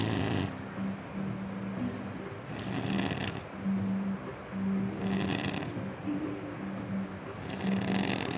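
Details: Person snoring asleep in a hotel bed in the mountains: loud, rough, rattling snores repeating roughly every second or two over steady room noise, a heavy snoring pattern.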